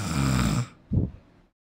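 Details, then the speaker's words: A loud, low, rattling snore followed by a shorter snorting sound, from a person asleep lying on a sofa; snoring. "म्हणून आता घोरण्याचा आवाज ऐका guys दोनच मिनिटं थांबा आता सोप्यावर पडलाय तो"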